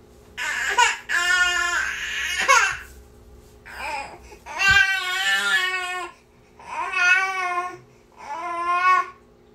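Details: Infant niece crying nonstop: repeated loud, tonal wails in bursts of one to two seconds with brief pauses for breath, in a small room; ordinary infant crying.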